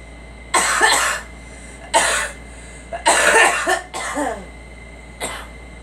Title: Girl coughing